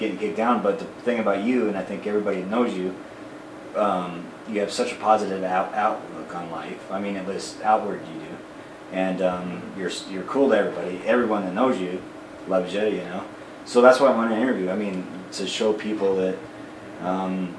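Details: Adult man; normal speech.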